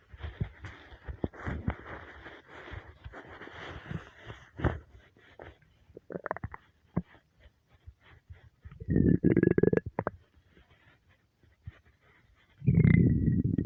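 Gurgling, bubbling stomach rumbles, ending in long low growls: ordinary hunger-related bowel sounds.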